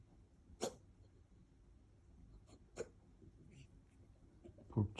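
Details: Cat reverse sneezing: three brief, sharp snorting sounds over quiet room noise. The owner wonders whether the cat ate something wrong or has something stuck, noting it is not vomiting.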